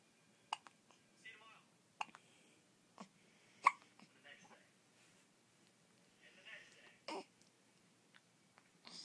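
Repeated short, sharp catching sounds at irregular intervals, about one every two seconds, with soft vocal sounds between; hiccups.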